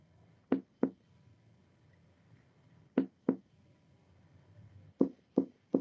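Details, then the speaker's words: Percussion moving down the midclavicular line from resonant lung to relative dullness (submatidez) at the liver border, where lung overlaps liver; it turns resonant again on deep held inspiration. "Acá encontramos submatidez. ¿Hoy sí percibieron el cambio? Sí, sí, gracias. Va, eso quiere decir que pasamos del pulmón al hígado."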